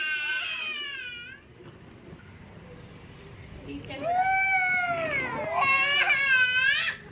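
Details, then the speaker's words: A young girl crying after being made to get off a scooter: loud, high-pitched wails with a brief quieter gap between bursts. "మీరేంటి లేవండి, దిగండి, ఏడుస్తుంది."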